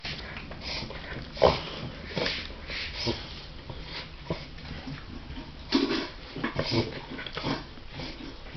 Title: Dovie reverse sneezing :-(